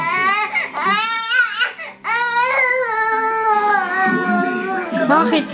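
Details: Baby crying for unknown reason, loud sustained wails with brief catches of breath between: ordinary infant crying.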